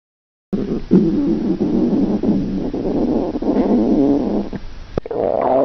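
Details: Hungry, fasting young woman's stomach growling during a gravure photo shoot: a continuous low gurgling rumble lasting several seconds, ending in softer bubbling; borborygmi.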